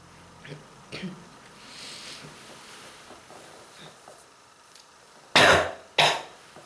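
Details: Soft throat noises, then two loud, harsh coughs in quick succession, from a person with strong bronchitis who reports throat and chest pain; bronchitis cough.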